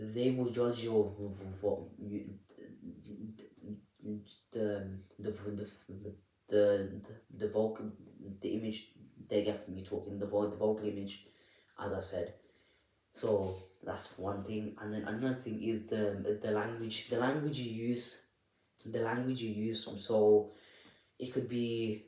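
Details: Adult with a stammer (stuttering) speaking unedited, with audible repetitions of words and syllables; stuttering.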